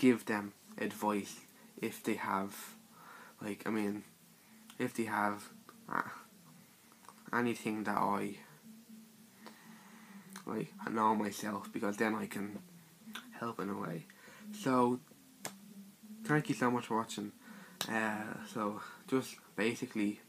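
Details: Male speaker with his own stutter (stammer); stuttering.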